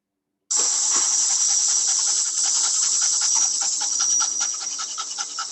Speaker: The dog breathes at a very, very high breath continuously. And the sound is just akin to the sound of a high frequency oscillator running.